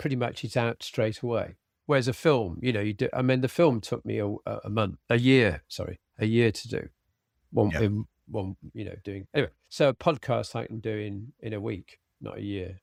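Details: Man with aphasia after a sudden stroke, treated with speech and language therapy; aphasia.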